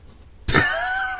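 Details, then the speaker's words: A single abrupt, harsh cough from an adult into a studio microphone during a radio-show conversation, trailing into voice; an ordinary single cough. "That's funny, man. You made me cough. Hold on here."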